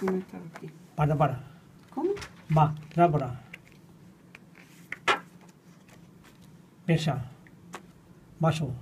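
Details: 61-year-old patient with nonfluent primary progressive aphasia, in speech therapy about two years (since July 2016); motor-predominant aphasia, apraxia, phonemic paraphasias and marked inhibition deficits; rapid picture naming. Nonfluent primary progressive aphasia.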